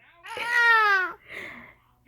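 A single short, voiced wail with a falling pitch, then a breathy trailing sound; a brief infant cry or fuss.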